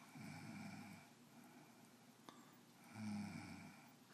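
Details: Sleeping female cougar snoring, said to be much louder in real life: two soft, rough breathing rumbles a few seconds apart in a quiet room.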